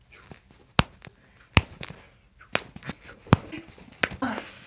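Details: Chiropractic pelvic adjustment of a woman, recorded for ASMR: several sharp popping joint cracks (cavitation) against room noise.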